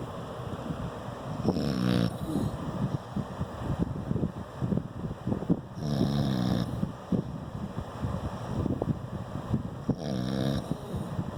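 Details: Three loud rough snores about every four seconds over steady background noise, keeping the listener awake; snoring.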